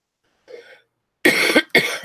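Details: Adult woman with a cold and runny nose, ill for nine days; two sharp, dry cough bursts after a short breath in, in a quiet room.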